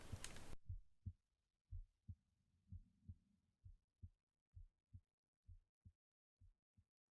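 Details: Heartbeat recorded at the left side of the chest after an ASMR book reading: soft, low, regular paired thumps at roughly 80 beats a minute; normal heartbeat.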